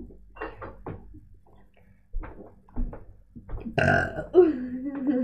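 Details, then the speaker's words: Voluntary loud, long, deliberate burp trailing into a rough drawn-out croak, during a playful burping contest between friends, after quiet talk. "I'm going to do a burping collection with my friend here."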